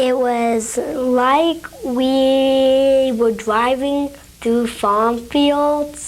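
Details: Example of sound prolongation, the third type of stuttering, with the speaker prolonging the 'e' vowel in 'we'; stuttering with sound prolongation.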